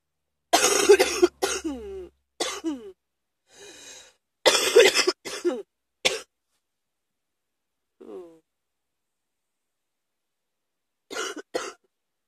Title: # 78 uh-oh cough!